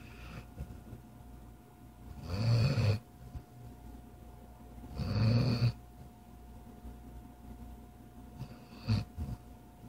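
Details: Sleep snoring, likened to the recorder's own: low rumbling snores at irregular intervals, with steady room hum between them.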